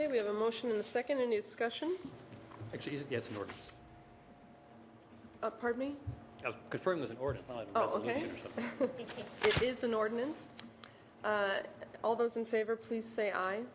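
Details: Adult speakers, mainly a woman chairing a meeting; ordinary speech.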